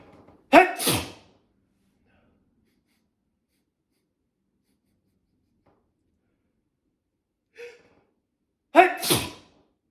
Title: Some big sneezes